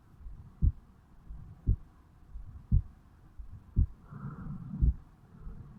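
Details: 35-year-old male's own heartbeat recorded at the mitral (bicuspid) area on waking in the morning: regular low thumps at about 57 beats a minute with faint rustling between; slow resting normal heart sounds.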